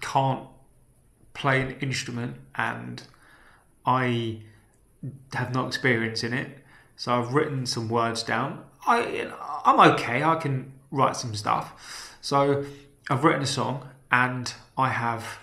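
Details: Man with a self-reported stammer, speaking naturally; stammering.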